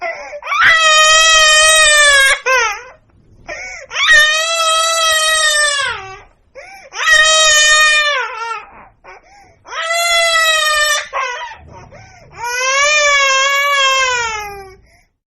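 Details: Infant crying sound-effect recording: loud, rhythmic wailing in long bursts separated by short gasping breaths.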